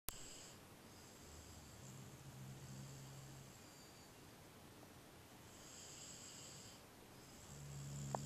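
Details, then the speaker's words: Sleeping dog after a big day: soft, low rattling snores on slow breaths in a quiet room, with a faint steady hiss behind: snoring. "What is that snoring you might ask a person Oh no it's our dog was very sneep after a big day be OK Good night"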